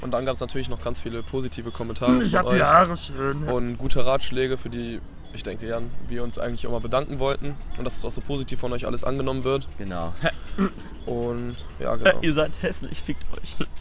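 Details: Adult male speaker; ordinary speech.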